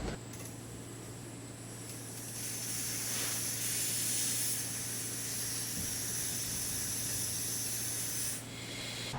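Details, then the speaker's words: CPAP demonstration by an advanced EMT with a disposable Mercury Medical unit, PEEP set via the oxygen tank: steady loud hiss of flowing air with a low hum beneath, airflow blown onto the face. "tell them that you have a device that's going to help them with their breathing it's going to blow air onto their face and it's going to make them feel"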